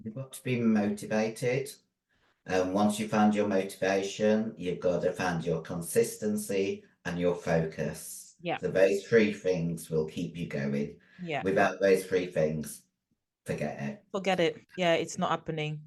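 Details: 56-year-old female bodybuilder with androgen-induced voice deepening (virilized voice) after taking large doses of anabolic steroids, including male steroids; she can no longer sing; also has chronic kidney disease and past liver damage.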